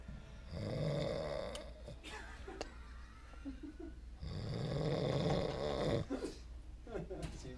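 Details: A sleeping man snores after taking Seroquel and eating chicken wings: loud, rough snores on each breath with brief pauses between, over faint room noise; heavy snoring.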